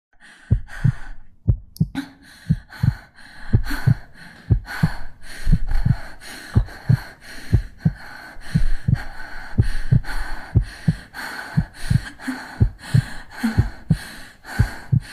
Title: The girl heartbeat and Breathing sound